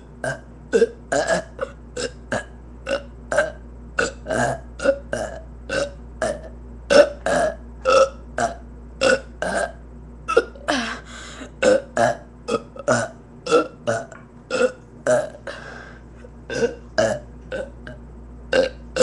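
A long run of about forty short, regular burps, roughly two each second, over steady low hum.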